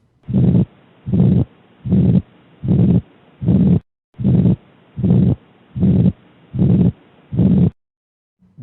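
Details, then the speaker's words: Small muscular ventricular septal defect, typical in children: regular heartbeat about 76 a minute with a short early systolic murmur starting at S1 and stopping mid-systole as ventricular contraction seals the defect. "this murmur is characteristic of the VSD often found in children that is located in the muscular portion of the ventricular septum here is an example of the manner of the VSD"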